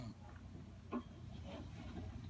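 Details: Grandmother sleeping: quiet, low rumbling breathing with one brief snort-like sound, consistent with snoring; faint room noise.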